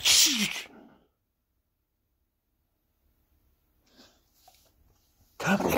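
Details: 97 lb AmStaff mix dog prompted to sneeze by a person faking a sneeze: a loud sharp burst, near silence with faint sounds, then a second burst; two sneezes, one the person's imitation.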